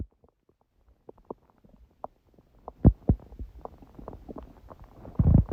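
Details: Stomach growling (borborygmi) recorded at 1:30 a.m. after overeating udon at 19:30, the first gluten in a while: scattered soft gurgles and pops building into louder rumbling bursts.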